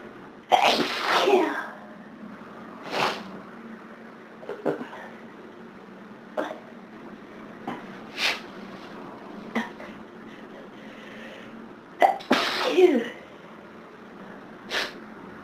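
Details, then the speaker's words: Two forceful sneezes with sniffs and quieter nasal sounds between them, over a steady low room hum, in the middle of a severe hay fever day; repeated sneezing, with more sneezes still to come. "Yeah. Maybe it'll settle down now. Maybe not. I still need to sneeze."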